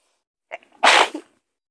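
A brief indrawn breath, then one loud, forceful sneeze burst with a short tail-off: a single sneeze.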